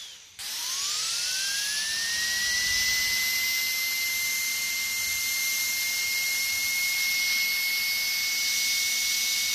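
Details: A high-pitched whine winds up and holds steady, the sustained scream of a dentist's drill running; stock sound effect of a dental drill.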